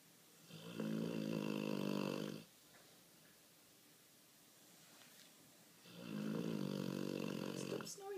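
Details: Sleeping dog snoring heavily: two long, loud, rattling snores separated by a quiet pause.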